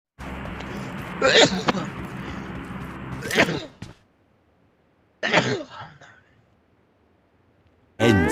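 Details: A man sneezes while being recorded.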